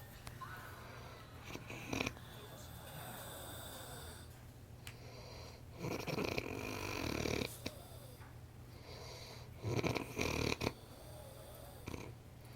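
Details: Harsh, growling, "demonic"-sounding snores with snorting, irregular noisy breaths and a sputtering flutter on inhalation, in a quiet room.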